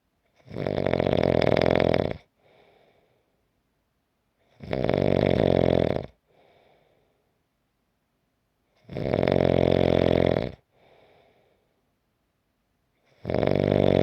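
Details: Loud, rattling snores on each breath in with soft breaths out, about 14 breaths a minute, from a 5-minute snoring recording; regular heavy snoring.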